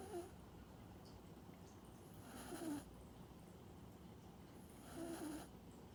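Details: Cat snoring heavily while asleep after a bath, apparently tired: soft rasping snores, about two breaths every five seconds, over quiet room noise.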